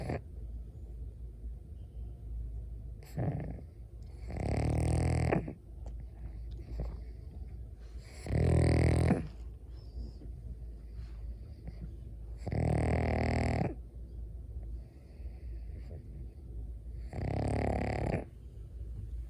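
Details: Pug sleeping in its owner's arms, snoring: loud rattling snores with each breath, about four in twenty seconds, with quieter breathing between.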